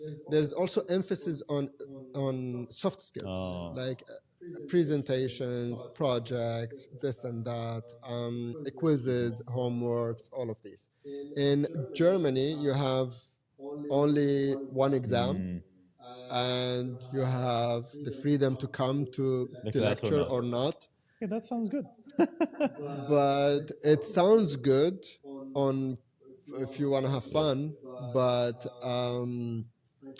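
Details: Adult man who has stuttered since age five or six, with blocks, lip and tongue tension, word repetitions and fillers; now controlled with pull-out and preparatory-set techniques learned in therapy in Germany; stuttering.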